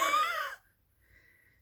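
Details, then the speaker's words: Imitated wheeze: a short, high, musical whistling sound made by voice, as heard over the chest with a stethoscope diaphragm, followed by a faint thin tone; described as whistling, unlike normal breath sounds of air moving. "if you hear that that's not the just wind and air moving by that's a whistling sound"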